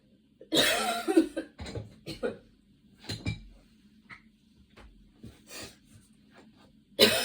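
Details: Run of harsh coughs and throat clearing with gasping breaths between, fading to softer coughs before one last loud burst, while getting ready; coughing fit.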